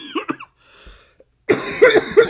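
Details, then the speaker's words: Cough from an adult who says they are sick, recorded while narrating a train-simulator video: a short burst of harsh, wet-sounding coughs after a brief vocal sound and a pause. "Sorry, I'm making this while I'm sick. So, if I sound like absolute death, that's why. And excuse the coughing."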